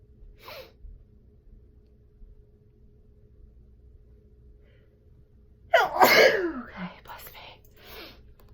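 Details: Single adult sneeze: a brief indrawn breath, a pause, then one loud, explosive sneeze with a short trailing exhale.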